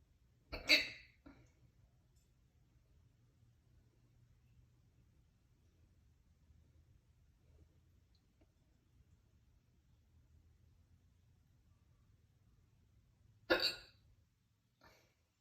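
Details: Super loud hiccups after soup and then a lot of crackers: two loud, abrupt hiccups about thirteen seconds apart, each a sharp gulping click, in a quiet room.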